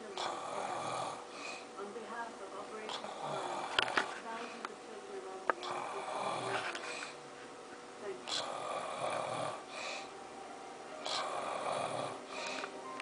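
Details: Father asleep, with Gabriel also asleep: irregular rough snoring breaths, roughly 23 a minute, with room noise and faint background sounds. Adult snoring during sleep.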